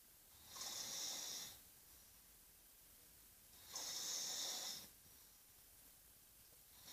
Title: Noisy snoring.